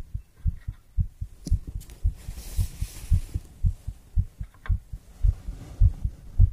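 Steady low thudding heartbeat at about 110 beats a minute, each beat a paired lub-dub, with faint hiss and brief background noise.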